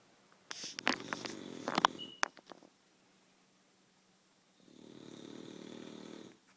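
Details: Snoring during sleep: a rough, fluttering snore with some snorting and clicks, then a quieter, steady fluttering snore on the next breath.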